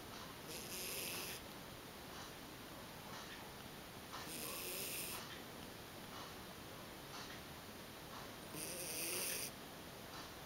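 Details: A Bolognese dog snoring: soft, hissing, whistly snores every 3 to 4 seconds, around 15 a minute, with faint breaths between them.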